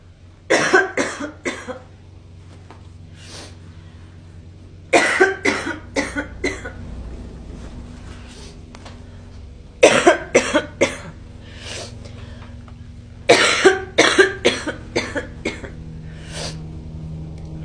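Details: Girl coughing: four bouts of dry, harsh coughing, three to five coughs each, about eighteen coughs in all, with quiet pauses between.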